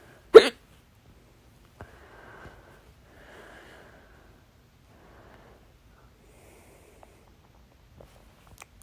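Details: A single loud, sharp hiccup from a bout of loud hiccups, recorded at 12:26 a.m., followed by faint breathy sounds and quiet pauses.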